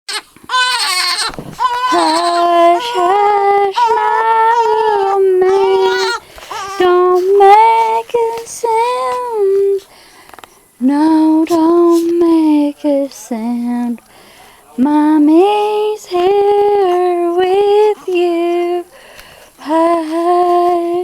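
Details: 2-month-old baby boy: high, tuneful crying wails broken by pauses, with his mother singing mixed in, which stops his crying; normal infant cry.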